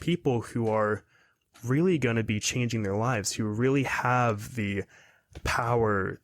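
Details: 22-year-old man who has stuttered his whole life, speaking in a podcast interview; stuttering.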